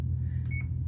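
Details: CADD-Solis ambulatory infusion pump being set up for a wound infiltration or nerve block catheter: a single short, pure electronic beep over a steady low room hum.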